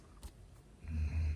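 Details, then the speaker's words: A dog asleep in a small room gives a low, rumbling snore that swells in after a quiet moment: ordinary snoring. "If y'all hear that snoring, that's my dog. I told him to go lay down in the bedroom. He don't listen."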